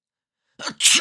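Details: Silence, then a quick in-breath and a sharp, hissing burst, from a sneeze sound collection of different people and styles; single sneeze.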